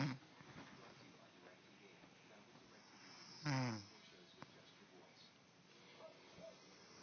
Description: The wife snoring a little